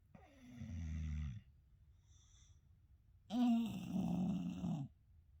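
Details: Two English Bulldog brothers sleeping and snoring loudly together, one later needing throat surgery to help his breathing: two loud, rattling snoring breaths with a gap between; flat-faced dog snoring.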